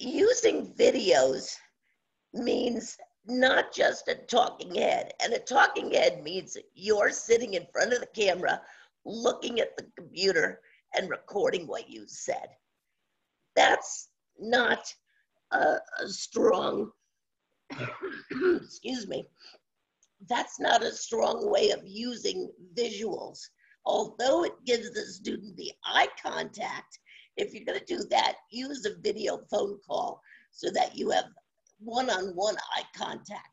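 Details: Woman with spasmodic dysphonia, worsening since about 2010, treated with Botox shots, no cure; scratchy voice; spasmodic dysphonia.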